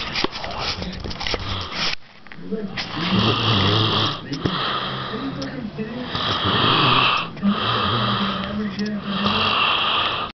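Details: Person crashed out asleep around 11:30 pm after watching a UFC fight: loud, rough, rattling snores with each breath, about one every three seconds; heavy snoring during deep sleep.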